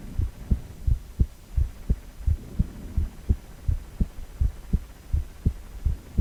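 Regular low thumping heartbeat at about 86 beats a minute, picked up during a heart ultrasound; a normal rhythm.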